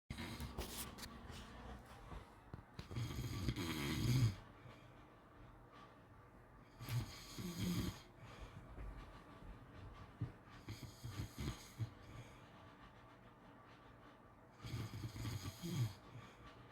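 Rough rattling snores with each in-breath, spaced by quieter breathing, in a quiet room. Snoring during sleep.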